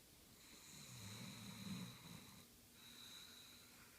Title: Dayka snoring